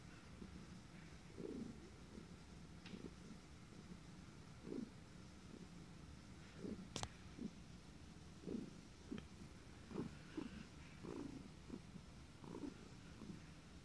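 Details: Cat named Puff purring steadily and low, broken by brief sharp catching sounds, about ten in fourteen seconds: hiccups during purring.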